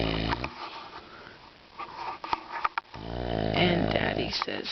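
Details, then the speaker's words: A father sleeping at a cottage, who claims he doesn't snore, gives loud, rough, rumbling snores on the in-breath, with some room noise: snoring. "Cottage this is Daddy snoring at the cottage"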